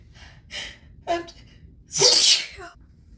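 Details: Deliberately induced sneezing from grass while the pollen count was high, in someone with no known plant allergies: short catching breaths (hitching) with talking build to one loud, explosive sneeze.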